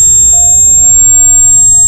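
Steady high-pitched ringing tone with a faint low hum beneath; a simulation of tinnitus, a ringing in the ears.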